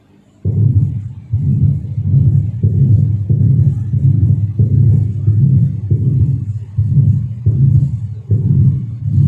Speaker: obviously again since you don't have the liberty to place your thumb over the carotid at times it gets difficult to appreciate just on oscillation it is very similar to the murmur of your sinuses but you would be able to differentiate it from electrosynthesis due to its different location